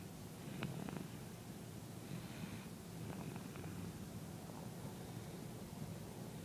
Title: Snoring baby!